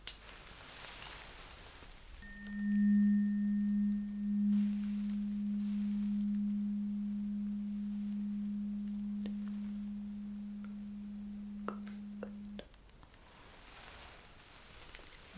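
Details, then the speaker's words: Steady low tuning-fork hum for about ten seconds, then stopping abruptly, with the fork placed in the middle of the forehead for a Weber hearing test, in a simulated ASMR cranial nerve exam roleplay. "I have to put this thing the same turning fork in the middle of your forehead. You know, somewhere there. Yeah. Okay. So, are you ready? It's pretty much the same, but you will just tell me where exactly you can hear the sound."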